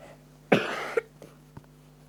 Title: shoutout [ignore me coughfinig I have a bad cough]